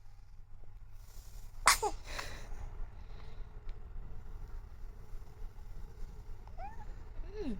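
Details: Single sharp infant sneeze followed by a soft breath, then brief baby vocal sounds, over steady background hum; baby sneezing.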